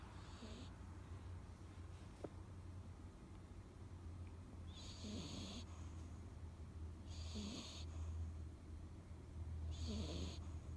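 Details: 3-month-old female Chihuahua/Jack Russell puppy asleep, owner unsure if snoring is normal for a pup: regular soft snores about 2.5 seconds apart, roughly 24 breaths a minute, over low background hum; snoring.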